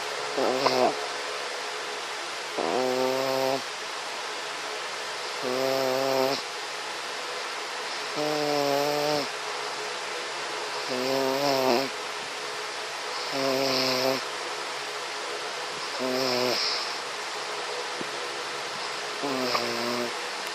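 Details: Snoring in the morning: regular whistling, tonal snores on each breath, about 23 per minute, over steady room hiss.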